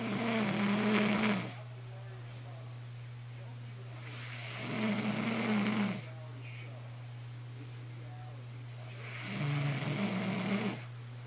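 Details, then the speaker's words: Adult woman, a child's mother, snoring: rough, rumbling snores about every four to five seconds, roughly 13 a minute, over a steady room hum. "definitely snoring. That's your mommy, Riley."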